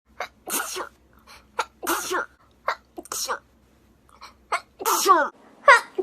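About six sneezes in quick succession, each a sharp burst with small gasps between, in a quiet room; a run of repeated sneezing.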